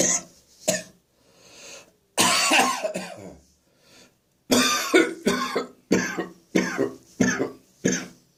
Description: Another morning coughing fit caused by acid reflux in my throat.